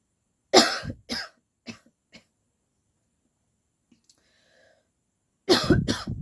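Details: Adult woman deliberately faking coughs, no cold at present, saying fake coughing turns real: two strong forced coughs, smaller coughs, a pause, then two more forceful coughs; imitated voluntary cough.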